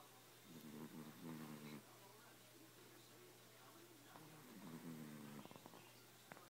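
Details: Cat that snores a lot: two rattling, buzzy snores, each a slow in-breath about three seconds apart, over a faint steady background hum.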